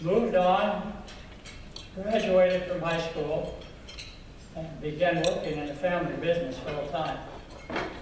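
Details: Adult man who has stuttered since at least 3rd grade and says stuttering took control of his life; stuttering.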